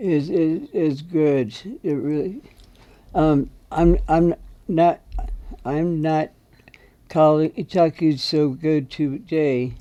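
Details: Veteran with aphasia, an aphasia group member receiving treatment at the VA; aphasia.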